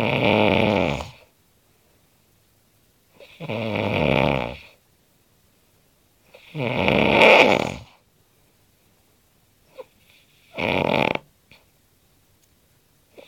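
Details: Heavy snoring from a sleeping man: loud, rattling snores about every three seconds (about 17 a minute) with silent pauses between. The snoring is said to sound like many different animal noises.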